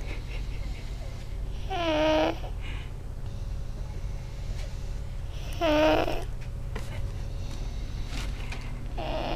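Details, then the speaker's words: A sleeping baby boy, stated not congested, snoring as he usually sleeps: two soft, drawn-out snores about four seconds apart over a steady low room hum; infant snoring. "Okay, so we hear this sound. I think it's the baby crying. It's him snoring."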